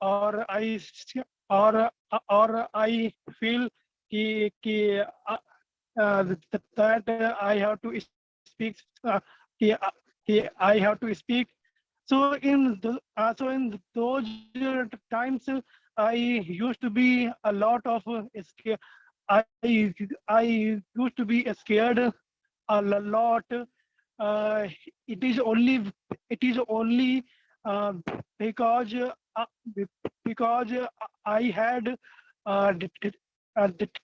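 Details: Adult male in a stammering support group who says he used to hide his stammer; word and phrase repetitions in spontaneous speech. Stuttering (stammering).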